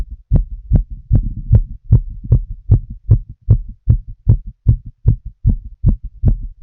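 Loud, clear, very regular heartbeat with distinct first and second sounds, about 77 beats a minute.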